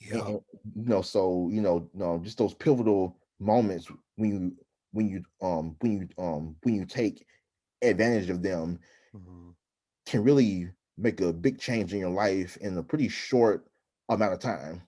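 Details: Adult man who stutters, interviewed by a stuttering specialist, with frequent interjections such as 'um'; stuttering.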